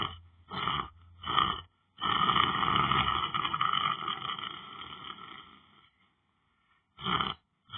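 Harsh, buzzing snores, some short and one drawn out over several seconds, broken by brief pauses; loud snoring.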